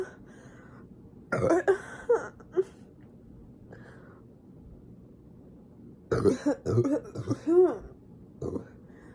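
Several short, rough throat-clearing bursts in two groups, separated by quiet room noise; ordinary throat clearing.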